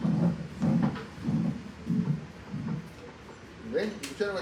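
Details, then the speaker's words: Four regular, low, muffled heartbeats at about 97 a minute with a soft blowing murmur, then a brief tonal sound: mitral regurgitation murmur with a third heart sound. "Pasamos a la otra válvula, insuficiencia mitral. La insuficiencia, ya saben que es incompetencia, en este caso de la válvula mitral."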